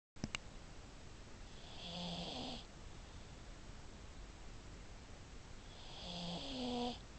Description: THIS IS OUR PUG MILLIE, SHE SNORES REALLY LOUD